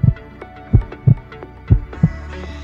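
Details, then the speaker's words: Deep paired lub-dub heart sounds at about 60 beats a minute over a faint hum, from the heart valves opening and closing. "you guys know what the heart sounds like it's like this but what you're hearing is the valves opening and closing"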